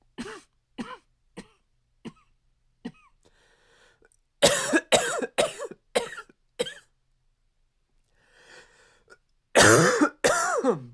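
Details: Male with dry barking cough strong enough to shake the chest: repeated short, dry, harsh coughs in bursts over about eleven seconds.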